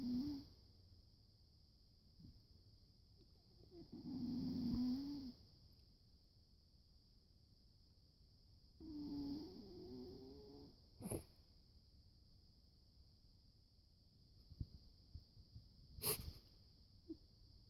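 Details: Old cat, 88 in human years, sound asleep and snoring loudly: slow, rough snores about every five seconds over a steady high-pitched hum, with a few sharp noises.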